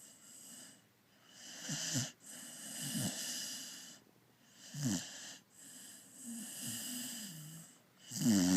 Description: Dog snores like a human.